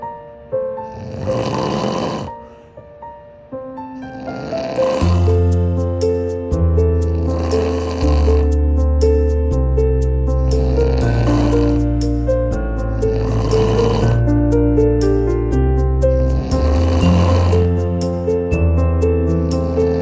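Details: Adult man snoring, recorded for diagnostic purposes: rumbling snores about every three seconds beneath loud background music with deep bass.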